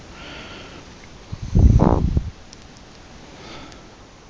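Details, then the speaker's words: Sleeping Chihuahua snoring: one brief, rough, snorting breath, then quiet. "Looks like somebody's snoring like a truck driver."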